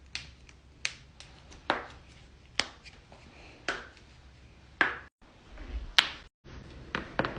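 About a dozen sharp, dry pops and cracks, irregularly spaced, with brief cuts between some, in a quiet room: joint cracking (cavitation).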